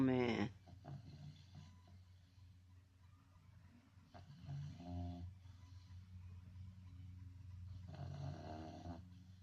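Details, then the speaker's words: A dog snoring loudly, with snores that sound like a grown man's. "Is really snoring. That don't make no sense. Like a grown man."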